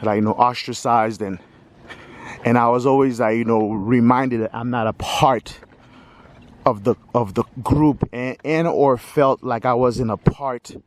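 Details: Stuttering in a 46-year-old man who says he has stuttered all his life.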